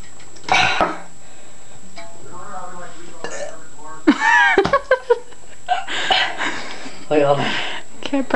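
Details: Deliberate burping for fun after drinking: repeated loud, drawn-out burps mixed with talk and laughter.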